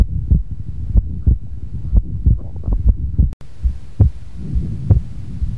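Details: Fixed split S2 in a comparison of second-heart-sound splits: low, regular heart sounds near 62 a minute, with the second sound split and staying split through breathing.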